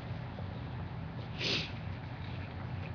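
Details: A single sneeze that was slow to come out after a delay.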